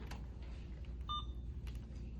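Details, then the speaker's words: Simulated nursing demonstration of stopping IV fluids before IV removal, by holding the channel-off button: a single short electronic beep in a quiet room as the infusion pump powers down. "let go after it beeps, and it will power down. So it is no longer running."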